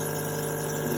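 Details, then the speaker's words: Pediatric compressor nebulizer, used for birds, small mammals, rats and cats with respiratory disease, switched on: steady buzzing pump hum; nebulizer running. "so this you just purchase online and basically I'm going to turn this up"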